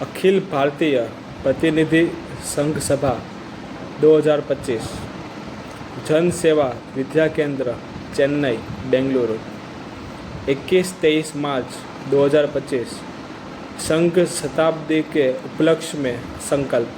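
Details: Adult man who stammers, opening reading sample before 60 days of practice, with most difficulty on vowel-initial words; stuttering.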